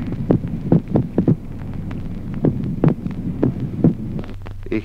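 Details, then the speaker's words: Teaching recording, split second heart sound with ventricular extrasystoles: irregular heart sounds with early beats and a long pause, and the second sound split. "ejemplo duodécimo duplicación del segundo ruido cardíaco en la extrasistolia"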